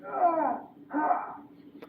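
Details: Simulated moaning, a patient voice sound played by a medical training manikin, not a real patient.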